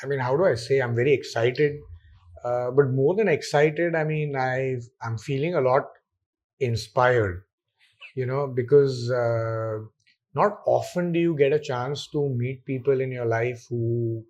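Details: Adult male speaker; normal conversational speech.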